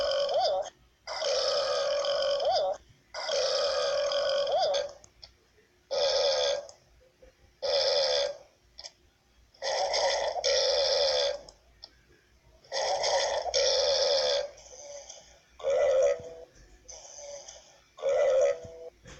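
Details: Burping compilation: a run of long, loud, croaking belches in quick succession with short pauses between them; repeated burping.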